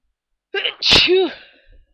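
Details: One sneeze in a morning sneezing fit with watering eyes: a loud, forceful voiced sneeze with a sharp burst and an 'achoo' vowel, then a fading breath.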